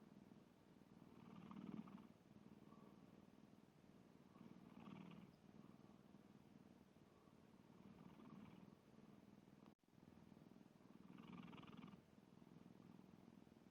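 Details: Sleeping black cat snoring: soft, rhythmic rumbling breaths, each swelling and fading every few seconds.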